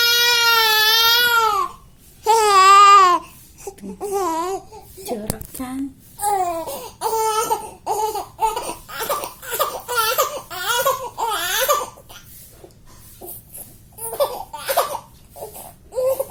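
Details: Baby crying: long wailing bursts, then shorter sobbing cries with brief gasps between them.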